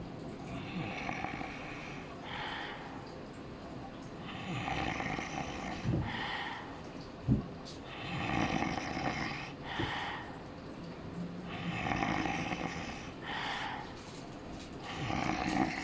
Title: loud snore while sleeping